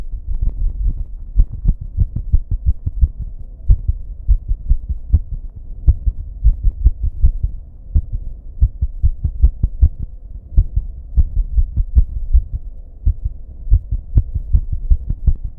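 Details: Heartbeat racing and then turning irregular, with heavy breathing, recorded in a bathroom with background buzz: fast, strong thumping beats around 120 a minute with uneven spacing; rapid irregular heartbeat.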